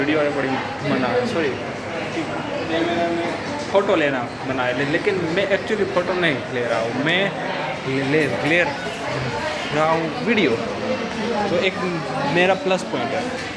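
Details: Adult man who stammers, with mouth ulcers affecting his lips, on day 68 of daily stammering practice in a hospital; stuttering.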